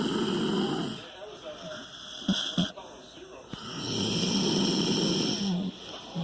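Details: Snoring contest between a dog and a teenager: two long, loud, rumbling snores with a quieter pause between them, over a steady high background hum.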